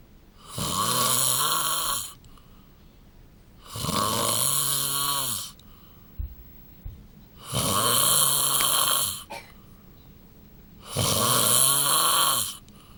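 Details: Adult husband snoring, wife hopes he will attend a sleep clinic: loud, rattling snores on each breath in, about four in thirteen seconds, near 18 breaths a minute, with quiet pauses between; heavy snoring.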